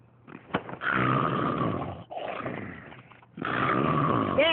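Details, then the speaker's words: Acted cartoon snoring from Looney Tunes: loud, drawn-out, rattling exaggerated snores in long breaths, played for comic effect. "hey wake up come on you're snoring wake"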